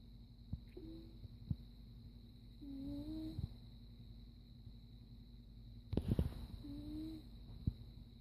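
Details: Sleeping cat: soft, squeaky, high-pitched snores every few seconds over a low room hum; snoring.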